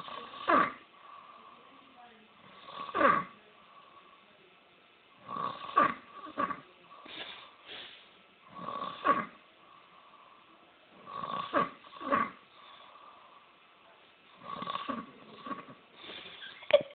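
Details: Snoring from a sleeper described as a man with a funny makeover: rough, rattling snores with a snorting onset, repeating every two to three seconds in a quiet room; loud snoring.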